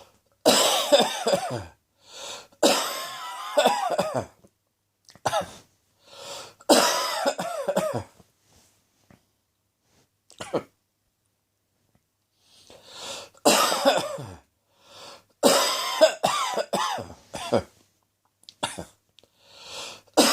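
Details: Repeated harsh, voiced adult coughs in short clusters with pauses, from a seasonal September cold: sneezing began day 1, sore throat day 2, cough on day 3; cough with a common cold.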